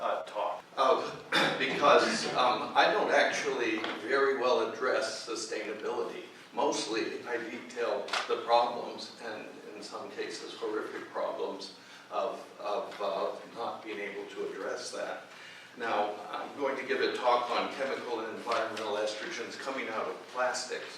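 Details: Adult man whose voice wavers from essential tremor, which his father had in his hands but he has in his voice; essential voice tremor.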